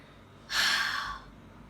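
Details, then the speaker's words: Huff (forced expiration technique) for clearing phlegm after COVID or lung infection: a single forceful open-mouth breath out, like fogging a glass, lasting under a second, used to move phlegm and prompt a cough. "Thomas को पूरा expression यह कहते हैं इसमें आपको मुंह खुला रख कर जोर से सांस बाहर निकालें हैं जैसे आप इमेजिन करिए कि सामने ग्लास है और आप उसके ऊपर तीन तय कर रहे हैं"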